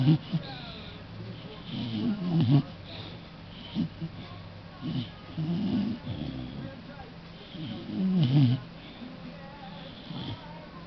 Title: Bebe Snoring ZzZzz